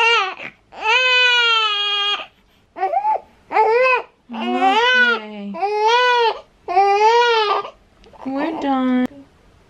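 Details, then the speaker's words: Loud, repeated, clearly pitched cries in one-to-two-second bursts with brief pauses: newborn girl in distress during tongue-stretching exercises after her tongue-tie release. "I'm about to attempt these exercises which I'm not looking forward to I know we're just gonna hurt you more and I'm so sorry I'm so sorry baby"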